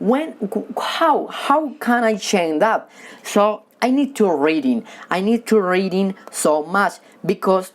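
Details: Man who has stuttered since childhood and says he stutters when talking with people but reads fluently alone; stuttering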